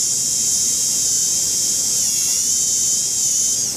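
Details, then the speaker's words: Steady high-pitched whine of a dental handpiece running a sand disc to polish the marginal ridge and remove excess composite on a Class II maxillary MO composite filling, tooth #3. "And I want to polish my marginal ridge with a sand disc. These are the sand discs."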